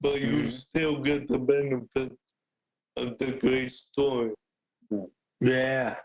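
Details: Adult man with cerebral palsy present since birth, a wheelchair user with physical limitations; speaking is noted as hard for him. Dysarthria (cerebral palsy).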